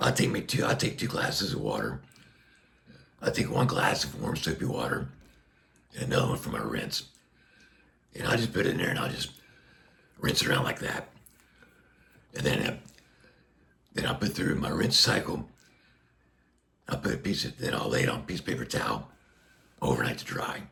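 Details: Adult man with a tracheostomy placed less than a year earlier after neck cancer surgery, speaking through a Passy Muir one-way speaking valve; reports restrictive, squeezing vocal cords and constant pressure; speech through a tracheostomy speaking valve.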